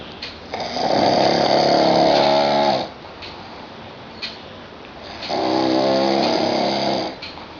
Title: Me Snoring VERY LOUD